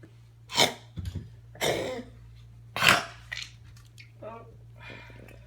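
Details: Cat cough with vomiting and breathing, recorded 6-24-16: three harsh, forceful coughing bursts followed by softer throat and breathing sounds.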